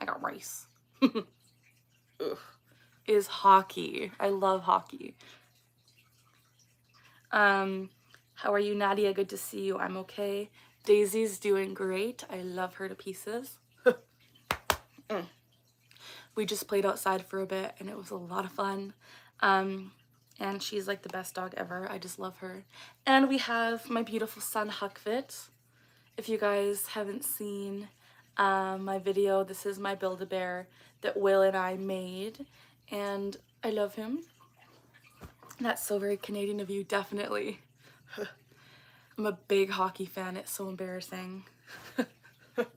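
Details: Vocal tics of Tourette syndrome in a 24-year-old woman; a phrase tic ("I got rice") that she says does not sound like her normal voice occurs during casual conversation.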